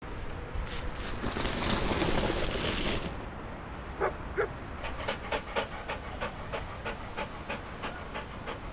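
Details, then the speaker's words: Pug, a brachycephalic breed, whose owner reported trouble breathing and snoring; noisy, snuffling panting bursts of obstructed airflow from stenotic nares, brachycephalic airway noise. "skyler said that you know he was having trouble breathing you can hear a little bit of the trouble he has breathing he was snoring"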